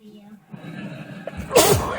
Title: Sneezing fit.